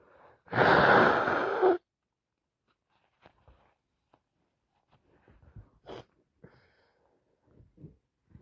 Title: Wet cold 🤧 sneezing